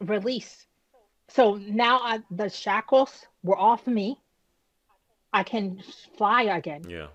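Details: Woman who had a stroke at age 36 damaging about a third of her brain, including the speech center, initially leaving her unable to speak with right-side paralysis; she has residual aphasia and apraxia of speech after the stroke.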